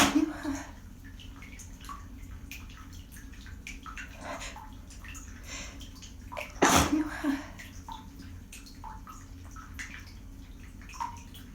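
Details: A single loud ordinary sneeze following earlier held-back sneezes, with quiet room noise and running water around it.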